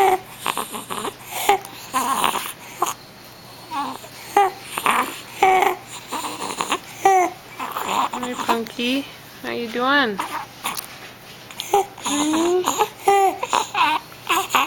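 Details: Young child babbling and crying between harsh, noisy breaths; stridor from croup.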